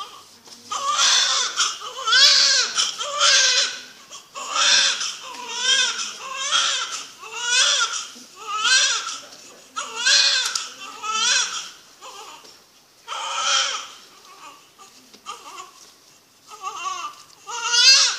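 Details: First cry of a couple's first child at birth: loud, rhythmic crying in repeated strong bursts of about one second each; vigorous newborn cry.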